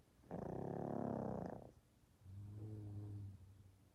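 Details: Little dog and kid taking turns snoring, alternating their snoring pattern.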